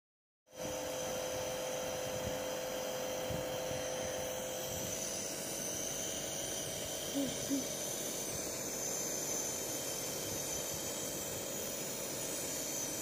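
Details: Running nebuliser during self-nebuliser training of a young boy with cerebral palsy who is holding the nebuliser himself: continuous steady buzzing hiss with faint background sounds.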